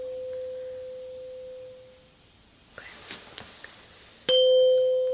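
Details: Tuning fork rings with a steady pure tone that fades away, followed by rustling and a fresh strike, in a simulated ASMR ear exam role-play hearing test where the listener reports when the tone stops and which ear hears it.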